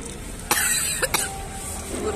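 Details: Coughing brought on while eating hot fried tempeh (mendoan) at a street stall: a single sharp cough, then two short coughs, against loud street and stall noise.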